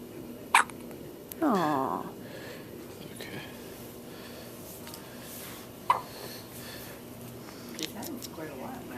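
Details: Infant hiccups in a baby girl looking up at her father and yawning: sharp, brief catches in her breathing a few seconds apart, with faint room noise and soft fussing.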